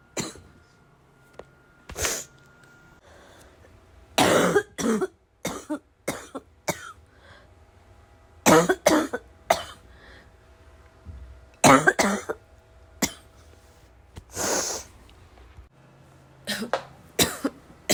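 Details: Heavy barking smoker cough; person unsure whether it comes from vaping or oncoming illness; about a dozen harsh forceful cough bursts in clusters with quiet gaps between.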